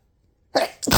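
A single sharp, explosive burst of air after silence, with a brief second burst, typical of a sneeze.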